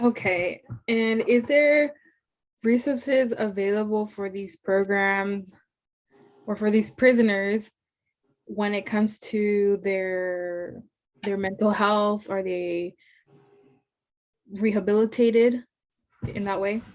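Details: Adult woman; fluent speech.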